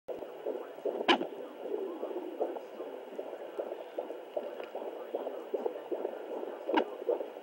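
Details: Fetal Doppler at 32 weeks 6 days of pregnancy: rapid whooshing fetal heartbeat broken by two or three sharp, separate knocks several seconds apart: fetal hiccups.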